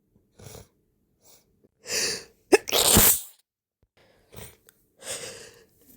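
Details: Quick breaths then two forceful sneezes close together, from an adult using chhinkni snuff for the first time; the nose is normally not sensitive and was prompted with a rolled napkin.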